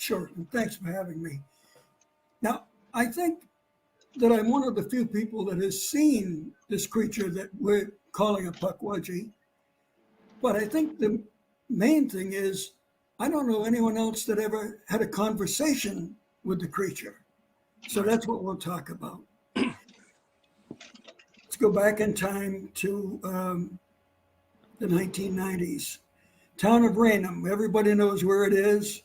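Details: Dysphonia in an adult man after vocal cord cancer and operations; he lost his voice, it partly returned, and his voice does not carry far.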